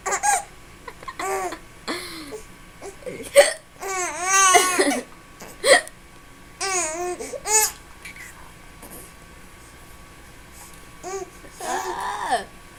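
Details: Hiccups in an adult: repeated short, squeaky voiced catches, roughly fifty a minute and irregular, mixed with laughter from the daughter.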